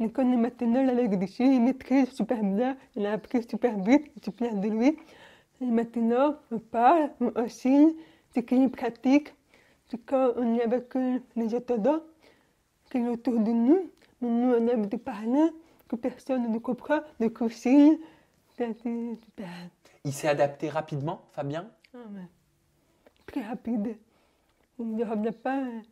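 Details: Young French-speaking woman, profoundly deaf since birth, recently wearing new hearing aids, speaking orally without an interpreter. Deaf speech.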